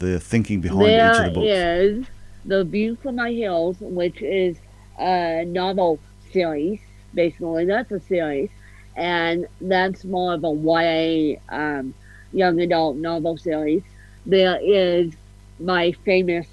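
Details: Adult woman with cerebral palsy, officially diagnosed at 31 as ataxic (ataxic-spastic, 'mixed') cerebral palsy, with a slight speech impediment. Dysarthria (ataxic cerebral palsy).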